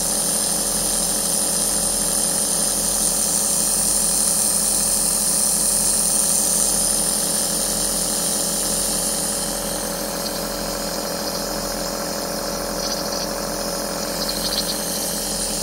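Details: An 11-hour aerosol relaxation sound recording: a compressor nebulizer running steadily, with a continuous mechanical rattle, hiss and rapid pulsing, used as ASMR white noise for relaxation and sleep.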